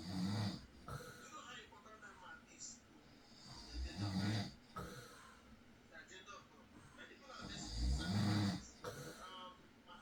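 Low, rumbling snores on slow sleep breaths, about 15 a minute, over steady room noise.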